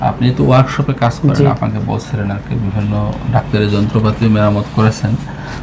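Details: Adult man speaking Bengali; ordinary speech.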